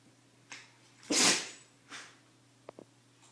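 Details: Pet dog with allergies sneezing, a Shiba.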